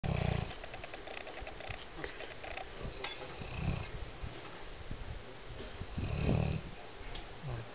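Low, rough snorts and snores from a sleeping dog, irregular, with some room noise.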